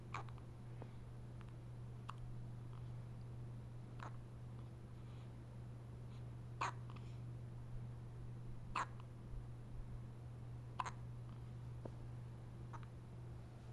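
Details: Short, sharp catches about every two seconds, about 30 a minute, over a steady low hum; hiccups.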